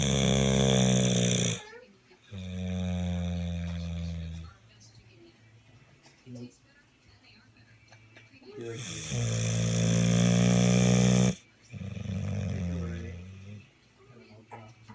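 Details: Pitbull snoring, described as loudest dog snore: very loud, deep rattling snores on each breath with quiet pauses between; two long snoring cycles.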